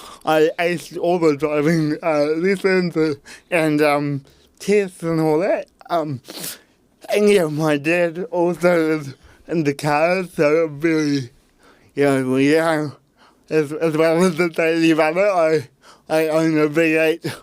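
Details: Adult man with cerebral palsy since birth; at birth his parents were told he would never walk or talk, and he had intensive therapy from birth to age six for walking and talking; dysarthria (cerebral palsy).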